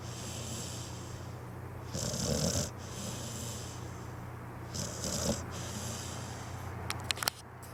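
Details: A sleeping pitbull snores with raspy, snorting breaths recurring every few seconds over a steady hum.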